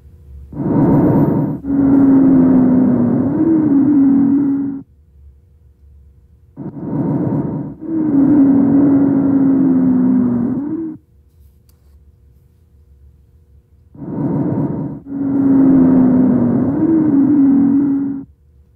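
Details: Wheeze from airway narrowing or obstruction: three breath cycles, each with a long musical whistling tone through expiration.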